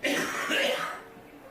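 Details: An older man, a smoker being urged to see a doctor, gives a single harsh, rough cough trailing into quiet room noise; others call it a bad cough.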